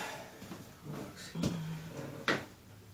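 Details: Two sharp cracking pops amid quiet room sounds during a chiropractic spinal adjustment of a female patient, called a big one; audible joint cavitation.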